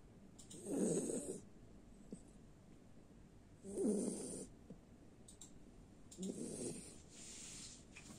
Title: Jack russel snoring